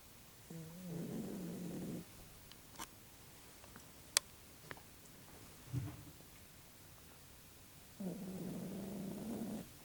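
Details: Dog resting and healing: slow, regular rattling breaths about every seven seconds with quiet gaps between; soft snoring during rest.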